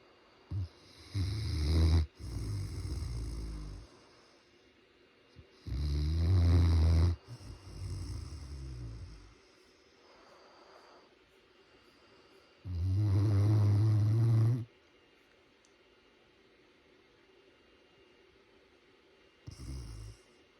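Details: Great Pyrenees dog snoring while asleep: deep, rumbling snores, about eight a minute and uneven, with quiet gaps between.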